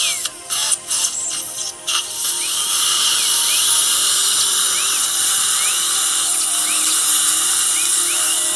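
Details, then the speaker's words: Surgical drill with water irrigation cutting bone to make a gutter around an impacted lower left third molar during surgical extraction in a female patient: high-pitched steady whine with brief bursts at the start. "Lots of water and little vibration you're gonna feel here. No worries."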